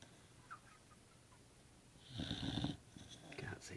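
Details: Staffordshire bull terrier (staffie) asleep: quiet room, then a single loud, rough rattling snoring breath near the end; dog snoring.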